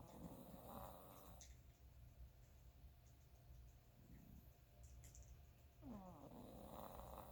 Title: Snoring chihuahua